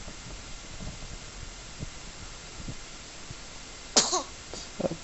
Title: 10 April 2010 sneeze